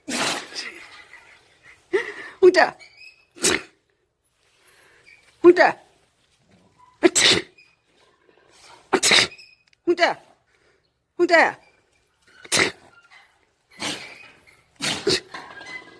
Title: 재채기 하는 2부